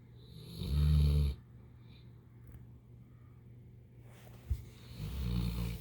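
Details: Snoring and sleep sounds of a sleeping female.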